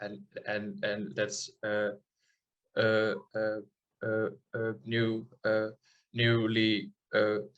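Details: Adult man from the Netherlands who stutters, speaking in an interview; audible part-word and word repetitions; stuttering.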